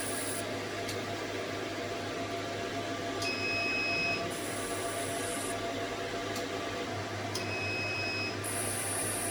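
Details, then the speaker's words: CO2 fractional laser treatment firing after pressing the foot switch: steady machine hum and fan noise with repeating high beeps and rapid ticking pulses as the laser fires in passes. "Now I will start, then I will press the full switch. So the treatment will be like this."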